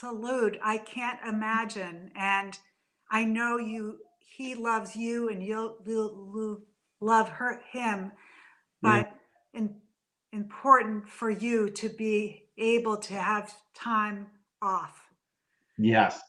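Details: Adult woman three to four years after a stroke caused by a brain AVM, still in speech therapy; aphasia after the stroke.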